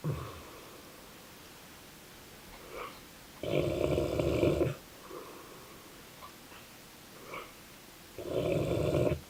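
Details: Snoring in a sleeping Dogue de Bordeaux (French Mastiff) dog: two loud, rough, rattling snores about four seconds apart, with quieter breaths between them.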